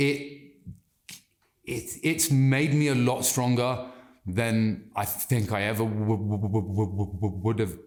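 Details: Adult man who has stammered since childhood and still does, worse with anxiety and stress, controllable when he slows down and takes a breath; stuttering (stammering).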